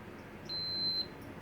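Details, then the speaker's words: AlphaTRAK 2 pet glucose meter testing a diabetic cat on insulin: single high half-second beep as blood is applied to the strip, reading 76 midday, about 5–6 hours after 1.5 units of insulin. "and that's the beep, the sound we want to hear. And we see that Eve's blood glucose right now is 76,"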